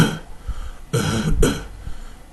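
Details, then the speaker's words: Imitated brassy cough, as in a four-year-old boy with stridor and respiratory distress: two harsh, hollow cough bursts, indicating tracheal involvement such as bacterial tracheitis. "a four year old male child present with a brazicof stridor respiratory distress"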